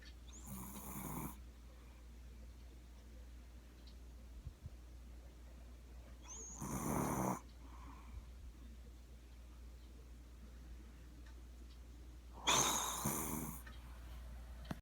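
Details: Three noisy snoring breaths several seconds apart over a steady low hum, from a sound-asleep long-haired Chihuahua dog; loud snoring.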